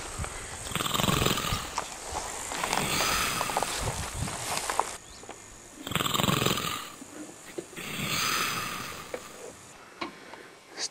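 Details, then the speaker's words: A man snoring while asleep at a camp in Mongolia in hot weather after a big meal: rough, rattling breath noises repeating against outdoor cricket noise. "The entire camp is asleep. You can hear the man snoring."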